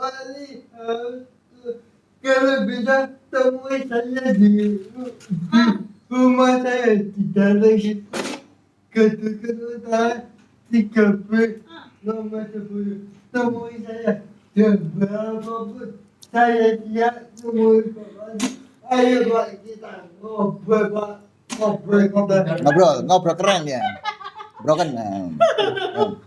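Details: Adult with cerebral palsy, real speech: dysarthric speech (cerebral palsy).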